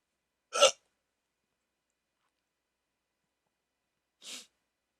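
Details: Two sharp, brief hiccups about four seconds apart during a rare 14-minute hiccup attack on waking from sleep with a CPAP mask by a person treated for sleep apnea.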